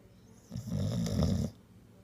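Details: Sleeping pitbull puppy gives one loud, rough, rattling snore about a second long amid quiet; snores only when a hand rests on his neck without pressure, stopping when removed; snoring.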